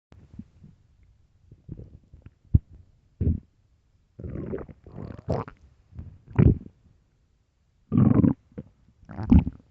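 Deep, loud gurgling rumbles in irregular bursts, stomach growling from an empty stomach.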